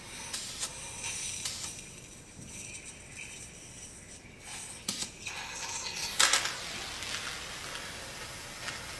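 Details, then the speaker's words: Real nasopharyngeal suctioning, person performing it on himself via catheter through nose to pharynx: steady hissing suction with intermittent louder gurgling slurps as air and secretions are drawn. "what I'm going to do is try to put something in the back of my pharynx and see if I can suction it out one sec"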